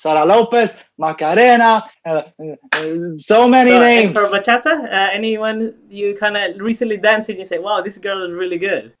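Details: Adult speaker; typical speech.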